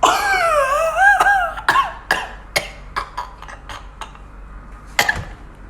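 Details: Adult deliberately forcing a cough: a drawn-out voiced sound, then a run of short, sharp coughs; voluntary cough.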